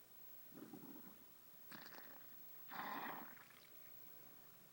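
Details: Three loud gurgling, rumbling bursts from a dog's stomach, typical of exaggerated bowel sounds (borborygmi).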